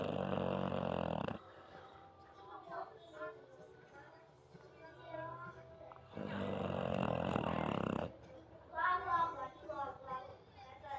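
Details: Snoring in an American Bully dog after a long walk and a full meal: two long, loud, rumbling snores separated by quieter snuffling breaths.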